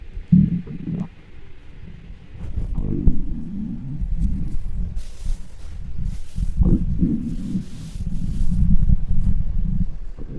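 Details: Close-mic hungry stomach noises (borborygmi): continuous deep rumbling and low growls with a few higher squeaks.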